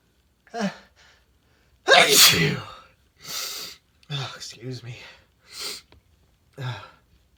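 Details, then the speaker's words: Adult man with a stuffy voice, deliberately inducing sneezes: several sneezes in a row, the second loud and forceful, with short quiet gaps between them. "hey everyone i've been a while so uh i thought i would try some inducing see how much i can get out"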